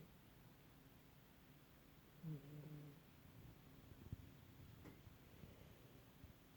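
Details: Old cat snoring while asleep: very quiet recording with one soft, low, buzzing snore over faint room hum; ordinary snoring.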